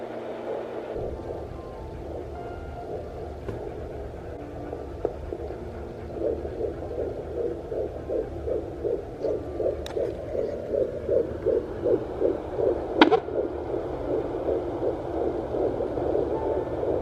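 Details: Twin pregnancy at 11–12 weeks, home Doppler heartbeat monitor on the belly: rapid whooshing pulses about 155–160 per minute over hissing background; normal-rate fetal heartbeat.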